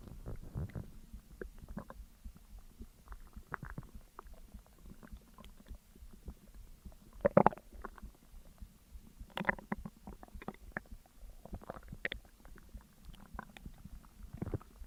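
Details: Irregular gurgles and squelches from an adult abdomen while digesting a large McDonald's meal (double cheeseburger, large fries, large coke, McFlurry): ordinary digestive bowel sounds (borborygmi).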